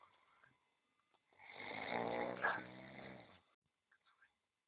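A single drawn-out, buzzing snore of about two seconds from a relaxed cat, in a quiet room.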